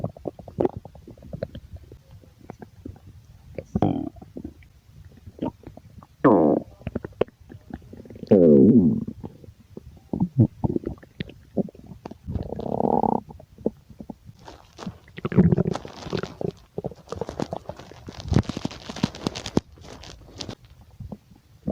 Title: My stomach growling compilation(hungry) #stomachgrowl #stomachgurgles